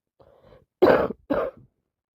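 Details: A soft lead-in breath, then two short, fairly dry coughs in a quiet room; coughing with a worsening common cold with nonstop sneezing and nose blowing.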